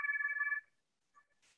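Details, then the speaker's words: Phacoemulsification machine switching to a higher-vacuum viscoelastic setting to remove viscoelastic under the IOL during combined cataract and MIGS surgery: a short warbling electronic tone, then a faint softer tone, a normal confirmation sound. "so i'm going to go ahead and go now into my viscoelastic setting which just has a higher vacuum"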